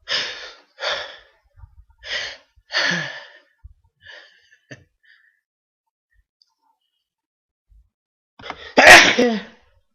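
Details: A few short breathy bursts, then a quiet pause and one loud explosive sneeze.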